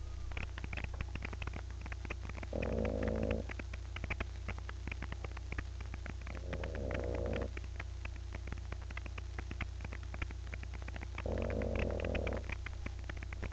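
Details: Bulldog snoring: loud rattling snore bursts about every four to five seconds over a steady low hum; snoring in a flat-faced dog.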